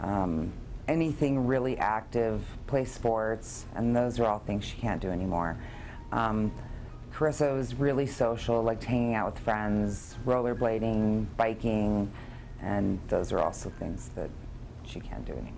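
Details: Adult speaker (parent); Typical adult speech.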